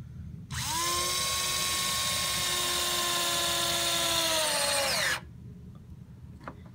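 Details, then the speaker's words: Powered intraosseous (EZ-IO) drill advancing a needle into bone on a training model, held with steady pressure until a slight give: a steady high-pitched motor whine of about 4.5 seconds, dropping in pitch at the end; intraosseous drill insertion. "you're going to place the io drill and you're going to hold steady pressure with the drill on as you advance the needle you will feel a slight give and that's how you'll know the needle is secure in the bone"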